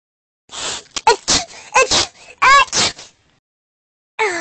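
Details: Ginger, described as sick, sneezing repeatedly: a series of short, sharp nasal bursts with snorting in quick succession, then another sneeze after a pause.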